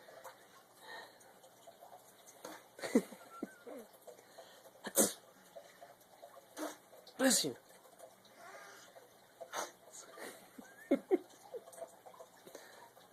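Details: A dog fake sneezing gives several short, sharp nasal bursts between quiet talk, like play or reverse-style sneezes; sneezing.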